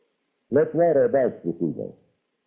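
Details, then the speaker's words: Simulated high-frequency hearing loss: a man's short test sentence, one of four, with high-frequency tones filtered out so it sounds muffled and dull; a demonstration of speech as heard with high-frequency hearing loss. "ation you will experience speech as it would sound if you had some high frequency hearing loss yourself. You will hear four sentences. However, they will not sound normal to you since some of the highfrequency tones have been filtered out."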